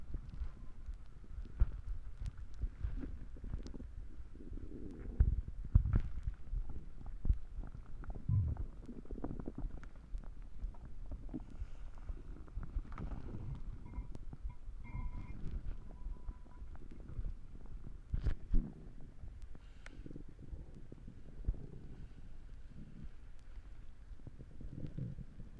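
Low, irregular gurgling and rumbling bowel sounds continue throughout, typical of a growling stomach.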